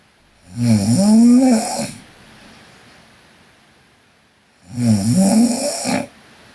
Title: Sleeping Korean Girl Snoring (PNGK) Part 3